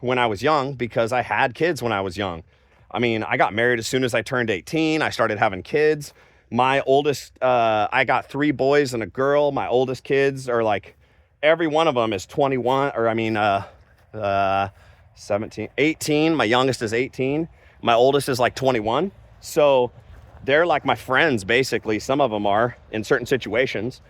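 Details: Adult man; aphasia (mild word-finding difficulty).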